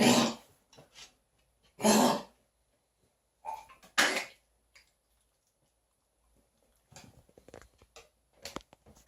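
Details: Dog coughing: four harsh, forceful cough bursts in a quiet room, followed by softer hacking and snorting sounds.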